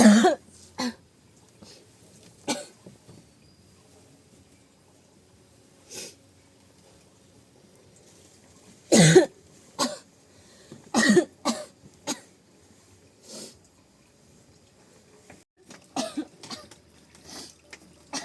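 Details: Repeated short coughs and throat clearing from a woman, some in quick clusters, continuing through the whole stretch while the man takes the 3-year-old child to school: a persistent cough.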